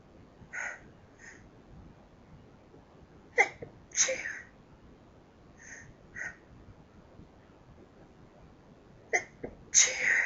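A run of about six sneezes, some soft and half-stifled, others sharp and loud, separated by short quiet gaps.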